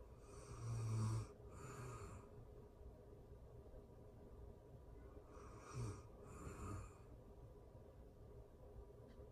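Two cycles of gentle snoring, each a low rattling inhale then breathy exhale, about five seconds apart, over quiet room noise.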